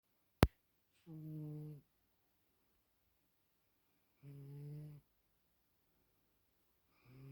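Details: A dog sleeping in a quiet room snores softly with a buzzing sound about every three seconds, with one sharp click at the start; snoring.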